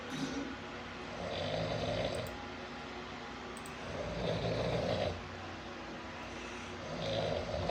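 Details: Father snoring: three rough, rattling snores over about eight seconds, one with each slow breath in, with quiet pauses between them.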